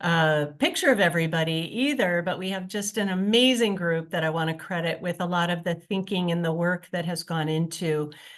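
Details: Adult woman speaking; ordinary speech.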